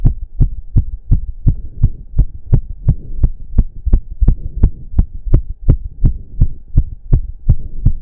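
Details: Male's heartbeat during an intense 15-minute cardio workout with heavy breathing, reported close to 200 bpm: rapid, regular, forceful beats at about 170 a minute with a low hum behind; exercise-induced sinus tachycardia.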